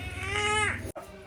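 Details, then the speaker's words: Infant about one and a half months old crying after vaccination injections by a nurse (thighs and arm): strong, high cry falling in pitch, breaking, then starting again. "सिस्टरने injection दिलं बाळ एकदम रडायला लागलाय त्याचं डोळ्यातलं आलेलं ते पाणी आणि त्याचं हळवं रडणं आमच्या दोघांच्याही काळजात खोलवर पोहोचलंय"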